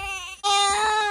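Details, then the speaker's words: Brief high-pitched wailing cry rising in loudness after a short catch of breath from a one-month-old twin, outdoors; ordinary infant cry. "you about to cry no don't cry it's okay it's okay don't cry"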